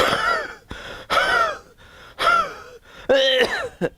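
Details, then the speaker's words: Homeopathic practitioner imitating a wheezy cough, four harsh coughs with a whistling musical edge, described as a wheeze relieved by expectoration. "the first variety of coughs on which I like to share with you is the cuff of idiotic tea on in Erie or dikteon you have a very wheezy type of a cuff so"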